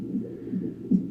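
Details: Fetal heartbeat on a monitor at 34 weeks of pregnancy, baby girl possibly hiccuping and moving away from the monitor.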